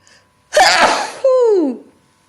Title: Sneezing into a handkerchief